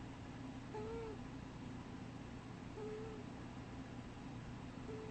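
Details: Sleeping, dreaming cat with faint high whistling tones recurring about every two seconds with each breath over a quiet hiss; wheezing.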